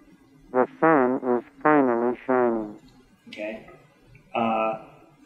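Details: Simulation of how a MED-EL cochlear implant sounds to a single-sided deaf user, matched in his normal-hearing ear: the spoken phrase "The sun is finally shining," sounding quieter, tiny, muffled, with narrowed spectrum and reduced low frequencies.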